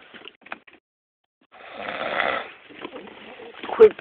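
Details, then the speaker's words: Snoring from a sleeping person who denies snoring, recorded with the phone held close. "This is you snoring. And you don't snore."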